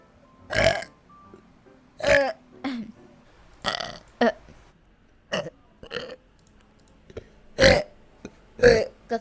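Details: A burp compilation from a VTuber stream with Indonesian speech: a series of loud, drawn-out burps separated by pauses, over quiet background music.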